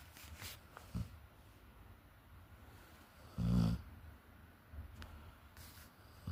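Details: One loud, low, rumbling snore against quiet room noise, with faint breathing sounds around it; snoring during sleep.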